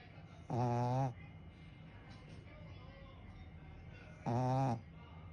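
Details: Dog snoring: two loud, buzzing, tonal snores about four seconds apart, quiet between them.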